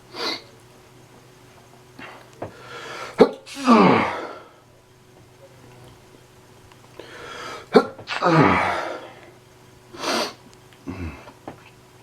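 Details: Painful allergic sneezing fit the person cannot stop: repeated forceful sneezes with sharp inhaled gasps between them.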